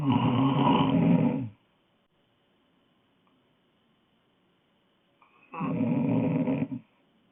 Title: Snoring girl